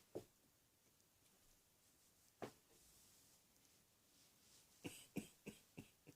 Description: Still coughing as usual.